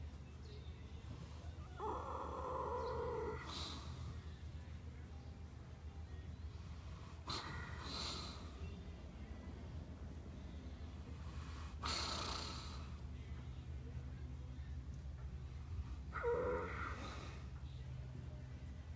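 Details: Thoroughbred horse napping in the afternoon after lunch at Saratoga Racecourse: slow, rumbling snorts and snores a few breaths apart over steady background noise; normal sleep snoring.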